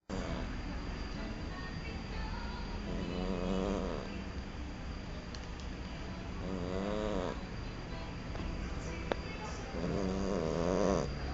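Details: Cat in deep sleep: three slow, rattling snores over steady room hum; snoring.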